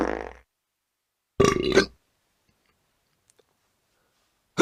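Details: Burp sound-effect recording: a short burp tail, then one loud, rumbling burp.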